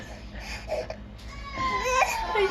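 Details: Baby who dislikes being burped, crying when mom says burp: fussy infant whimpering that rises into a short wailing cry, with quiet room noise behind it; infant cry.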